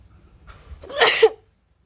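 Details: A quick breath in followed by one sharp, hissing burst of air; a single sneeze.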